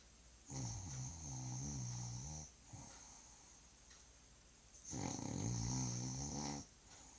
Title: Hear my sweetie snoring